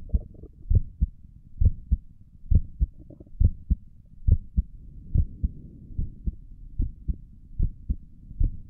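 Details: Normal heart sounds recorded through a stethoscope on own chest for ASMR, stomach gurgles noted elsewhere in the recording: steady paired low thumps, about 67 beats a minute, with a soft rubbing hum behind them.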